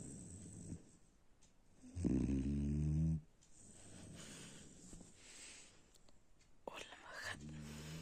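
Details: Sleeping dog snoring: a loud, low, buzzing snore, then quieter breaths and a second snore starting, with faint room noise.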